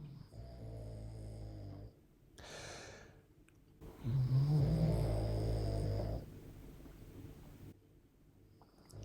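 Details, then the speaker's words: Sleeping Cavalier King Charles spaniel snoring: low, rumbling, buzzing snores with a softer airy breath between them. "I've got a Cavalier sleeping to the left of me and a Cavalier snoring to the right of me that's what that sound is if you're wondering"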